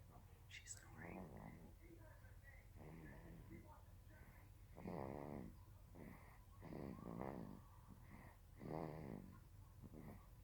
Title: snoring